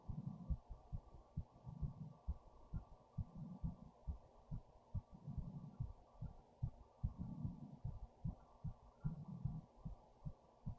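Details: Own fast heartbeat with rapid breathing, quick muffled thumps and breath-like swells every second, recorded with a headphone speaker after standing up; heart racing caused fast breathing, with stomach movements.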